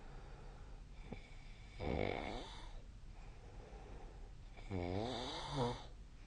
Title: 🐽 本日のイビキ / Snoring Sleep Sound 2025/01/25